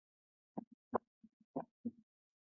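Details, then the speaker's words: An opening snap in a heart-sound teaching clip: crisp heart sounds, each followed by an extra sharp, high-pitched snap, described as an abnormal sound caused by mitral valve opening. "اسنپ در وقت ستول شنیده میشه که یک هایپ ساوند هسته و از باعث باز شدن ماتر"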